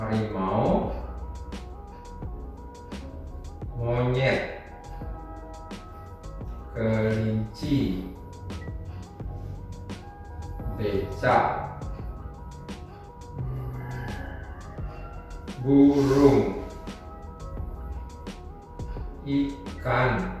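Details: Acted Wernicke's aphasia in a 50-year-old man with uncontrolled hypertension and suspected stroke, one week after onset; fluent speech mixed with wrong words, with impaired comprehension, repetition, naming, reading and writing.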